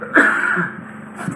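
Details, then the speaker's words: Gag-reflex cough during endoscopic ear wax removal from both fully occluded ears: brief throat-clearing cough with a short voiced catch. "gag reflex missed advantage yeah it happens"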